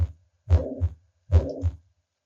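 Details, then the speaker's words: Teaching-lecture recording of heartbeats with a blowing murmur filling the whole interval between the first and second heart sounds: a holosystolic (pansystolic) murmur. "there can also be holosystolic murmur or also known as pansystolic murmurs I'm going to hopefully this will work and you can hear a holosystolic"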